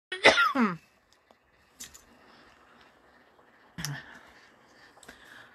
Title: coughing